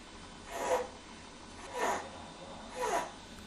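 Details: Three harsh, noisy breaths with a rough, slightly high-pitched edge, in an educational piece on pneumonia signs in children; stridor, a serious breathing-difficulty sign needing urgent care.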